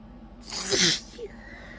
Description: my nose was so easily provoked tonight, i didn't even bother with trying to hold back. sometimes i just want to sneeze!